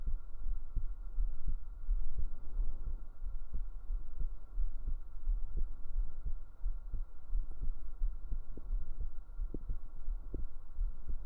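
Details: Real adult heartbeat recorded up close on the chest with binaural microphones for ASMR: steady, soft, low thumps at about 87 per minute under a faint steady hum; normal heartbeat.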